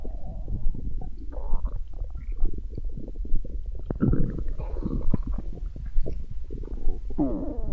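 Loud, continuous gurgling and rumbling with bubbly pops and a low drawn-out growl: ordinary stomach growling from gas and fluid moving through the gut.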